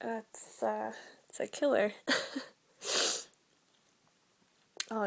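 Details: Cold sneezes from a woman with a serious, very sneezy cold for several days: brief voiced talk and sniffs, then a loud, explosive sneeze.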